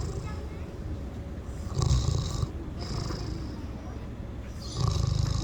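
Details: Miniature pig sleeping at a petting zoo: repeated low, rattling snores with a hissing breath between them, about two snores in five seconds.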